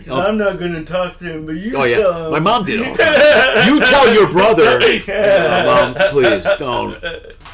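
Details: Adult man, a comedian and father of two teenage boys, born with cerebral palsy, who says he sounds like this all the time; dysarthria from congenital cerebral palsy.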